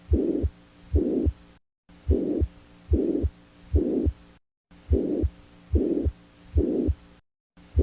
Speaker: This is the Pan Systolic Murmur